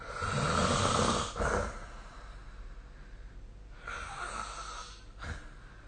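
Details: Loud, rough, rattling snore, then a quiet pause and a second, softer snoring breath over faint steady room noise during sleep: snoring.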